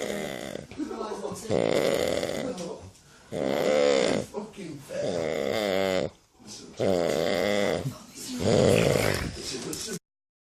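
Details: Heavy, loud, rattling snores in long bursts about every two seconds with brief quiet gaps, from a real person, not an actor, sleeping while being pranked.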